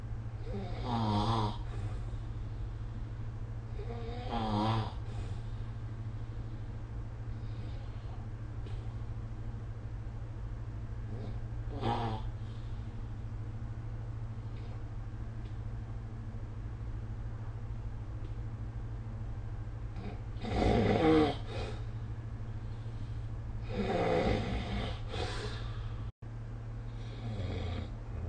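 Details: Loud, rattling snores recur at irregular intervals over a steady low hum in a quiet room, recorded with the SnoreLab snoring app during sleep.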